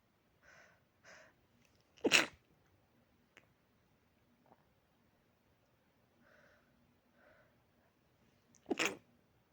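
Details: Person trying to sleep: two sharp, explosive sneezes about six seconds apart, with faint breathy sniffs before each, in a quiet room; repeated sneezing.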